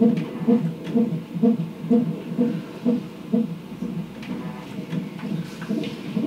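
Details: Rapid, regular whooshing pulses, about 128 a minute, from a labor monitor during active, unmedicated (no epidural) hospital labor with a second baby boy, after the water broke; fetal heartbeat.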